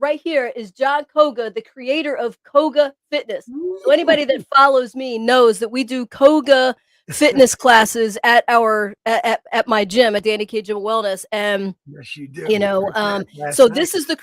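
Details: Adult woman speaking; Normal speech.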